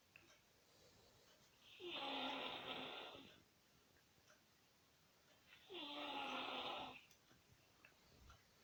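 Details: A sleeping toddler in a quiet room: two long, rough, rattling breaths about four seconds apart, roughly 15 per minute. Steady snoring during sleep.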